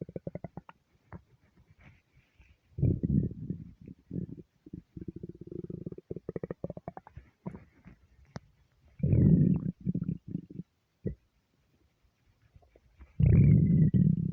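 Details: Hunger-related stomach rumbling in a starving person: long, loud, low rumbles and growls with rapid fluttering gurgles, a normal sound of an empty, active gut.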